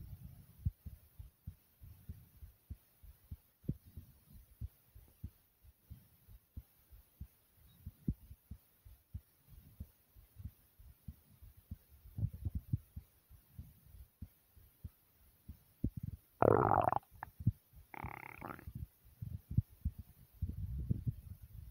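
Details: Own fast heartbeat recorded together with loud stomach growls: quick, regular, low thumping, interrupted near the end by two loud gurgling bowel sounds.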